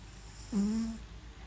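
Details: Sleeping cat snoring: a single soft, buzzy, tonal breath sound.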